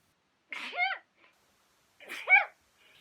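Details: Compilation of 2020 sneezes (19 counted in total); here two quick sneezes about 1.5 seconds apart, each a sharp breathy burst rising into a short high voiced 'choo'.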